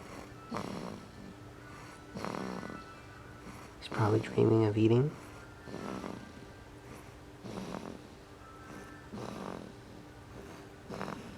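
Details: Liam, almost 6-week-old infant, sleeping: soft, regular snoring breaths about 35 a minute with one louder whimpering sound midway, possibly dreaming of eating; sleep snoring.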